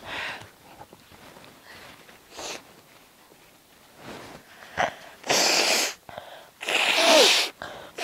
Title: Super Quiet sneezes!